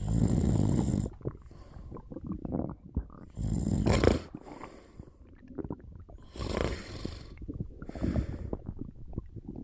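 Loud, rough snorting snores, about four in ten seconds, with quieter rattly breathing between them.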